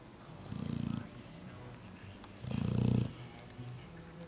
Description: Our Mastiff, "Paxton", snoring in his bed. He's 4 months old.